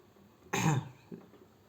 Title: নতুন কিছুর শুরু ( ignore my coughing )